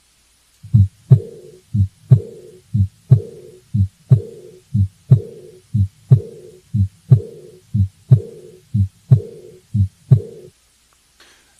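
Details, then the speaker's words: Aortic regurgitation: regular heartbeat at about 60 a minute with a soft blowing diastolic murmur, like air through a tube, fading away after each second heart sound, between S2 and S1. "t sounds like air blowing through a tube and it's a diastolic murmur not a systolic murmur like aortic stenosis I'll play an example of it for you now"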